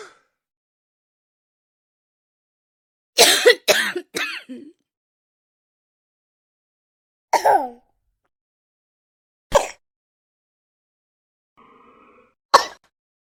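Six separate coughs with quiet gaps between them, the first three close together. Plain adult coughing.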